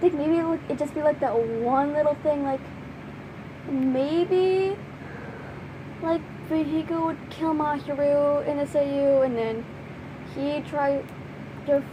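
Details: Stuttering in a female speaker who says listeners can hear her stuttering and that it has gotten worse.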